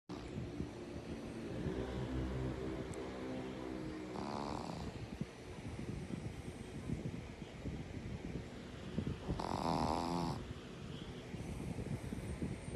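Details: Shih Tzu dog snoring: continuous low rumbling snoring with a few louder snorting breaths, over steady background noise.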